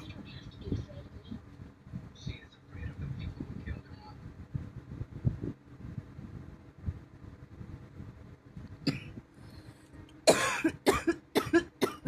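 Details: Person feeling unwell with a bad cough causing chest and rib pain from coughing: low muffled background, then a burst of about five sharp, harsh coughs near the end.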